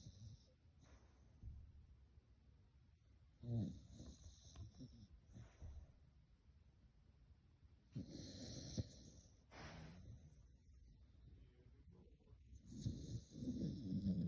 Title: Snoring baby